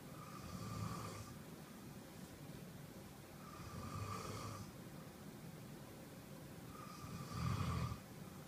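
Three low rumbling snores about three seconds apart, roughly 20 breaths a minute, with a soft hiss between them. Ordinary snoring in sleep.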